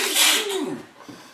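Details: Adult man who repeatedly holds in his sneezes; one forceful, hissing sneeze burst trailing into a voiced exhale; willow trees nearby are blamed for sneezing like crazy; sneezing.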